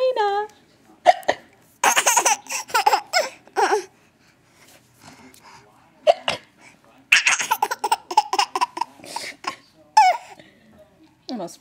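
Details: A laughing baby, with repeated sharp, abrupt hiccups breaking up bursts of laughter.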